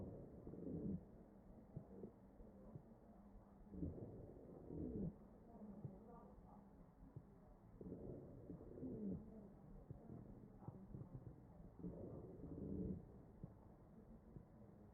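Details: Four ventilator breaths, about 16 a minute, each with faint musical whistling over the chest sounds: wheezing.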